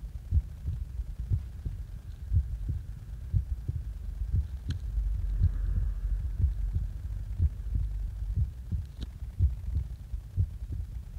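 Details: Heartbeat recorded just after waking up; regular low thumping at about 60 beats per minute; heart sounds.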